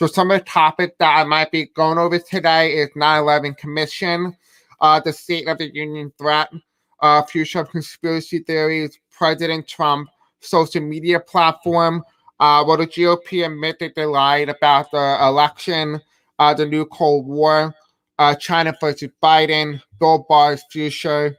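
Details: Deaf man with a self-described deaf accent and difficulty pronouncing certain words; deaf speech.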